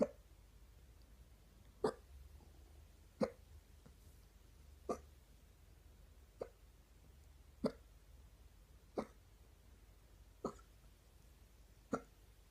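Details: Stubborn morning hiccups: brief, sharp gulping sounds at a steady rhythm, about nine in twelve seconds (roughly 45 per minute), a bout of hiccups.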